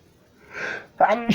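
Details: A drawn-in breath followed by a sharp, voiced sneeze burst; sneezing.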